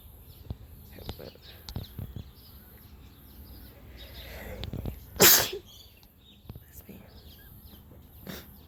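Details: A person sneezing outdoors in nature in Australia: a single sharp sneeze burst against outdoor background noise with birdsong and scattered clicks; sneeze.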